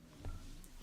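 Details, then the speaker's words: Brief, low muffled pop from the stomach against faint room hum, stomach gurgling (borborygmi). "Yeah, a little pop. Yeah, my stomach gurgling."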